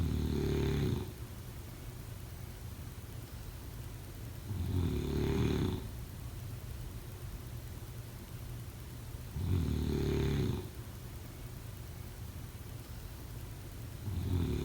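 Regular low rattling snores about every five seconds, near 13 breaths a minute, against steady room hiss; ordinary snoring.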